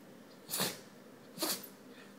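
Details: Dog that dug in a flowerbed and got into sprinkled red pepper, giving two sharp, hissing nasal bursts about a second apart; sneezing from irritant.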